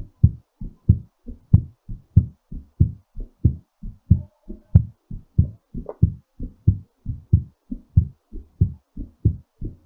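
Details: Steady, quick low thumps at about 94 beats a minute during recovery after exercise; normal heartbeat after exercise.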